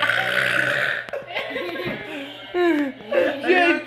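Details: Deliberate belch during a burping challenge: a loud, drawn-out voiced belch with speech and laughter around it; ordinary burping done on purpose.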